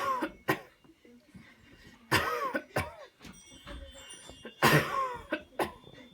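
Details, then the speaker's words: Manually assisted cough demonstration: after paced deep breaths, the patient coughs on command while a helper presses on the body until done; several short, forceful coughs amid breaths and quiet voices. "okay here we go let's make this count one two three put in deep deep deep deep cough"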